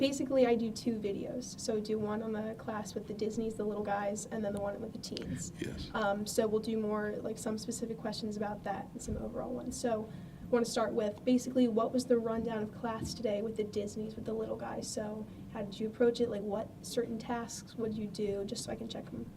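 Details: Adult woman speaking; normal speech.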